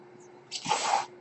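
A brief airy hiss of about half a second, with a soft thump at its start, from a mechanical ventilator cycling a breath.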